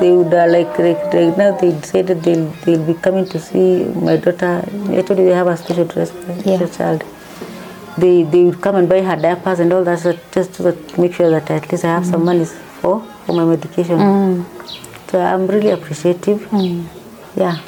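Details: Adult woman, mother of two, with Parkinson's disease: symptoms since 2019, first misdiagnosed as a pinched nerve, diagnosed 2022. She says her medication makes her tongue heavy and her speech has changed; speech in Parkinson's disease.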